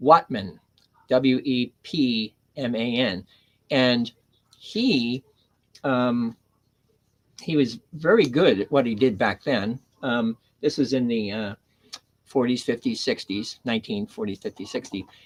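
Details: Adult man with aphasia after three strokes, the first on September 26, 2011. He initially could not read, write or speak well, and his grammar and syntax were damaged. He had seven months of speech therapy plus an aphasia group, and his speech greatly improved over ten years. Aphasia.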